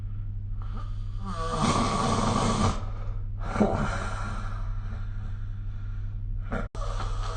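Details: Snoring recorded with the SnoreLab app: two loud, rough, rattling breath sounds against a steady low hum; snoring during sleep.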